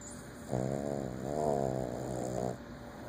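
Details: Sleeping Boston terrier snoring, owner says loud enough to sometimes wake herself: one long, droning, buzzing snore lasting about two seconds.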